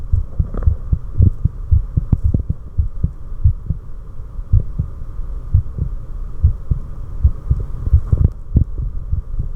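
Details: Recorder's own resting adult heartbeat, at normal state: regular paired low thumps over a steady background hum, no clear slowing in this stretch: normal heart sounds.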